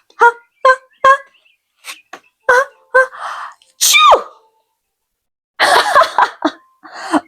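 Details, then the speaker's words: Imitated sneeze read aloud in a children's story: a rising series of short 'ah' sounds building to a loud acted 'choo' as the zebra sneezes during hide and seek. "That was a sneaky sneezy game of hide and seek. Zebra didn't mean to cheat. His achoo just couldn't stay quiet."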